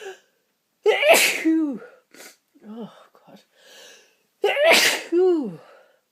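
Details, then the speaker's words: Person with a tickling nose: two forceful sneezes, each a sharp inhaled catch then an explosive burst, with quieter breaths and sniffs between; sneezing. "my nose is tickling and tickling and tickling oh I've got to sneeze one more time"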